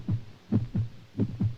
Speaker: this is the beat of a human heart sit very still and listen [Music] is your heart beating in this same rhythm